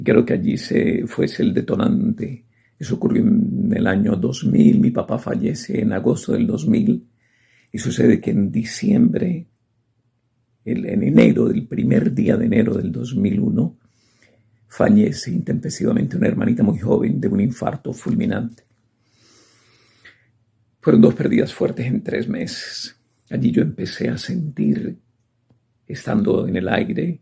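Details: Adult male sports broadcaster with spasmodic dysphonia diagnosed in November 2018, treated with botox; last injection 5 December 2025, and he says his voice is at about 50%; spasmodic dysphonia.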